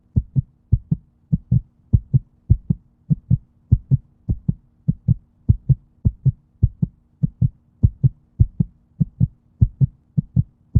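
Regular low paired thumps of a heartbeat, about 68 beats a minute, with a faint steady hum behind.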